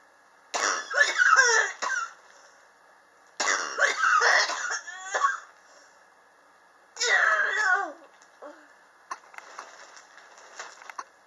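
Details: Three harsh bouts of repeated coughing, then softer throat noises, recorded July 2018 from a person coughing since summer 2016, felt to be triggered by extreme temperature changes at home; chronic cough.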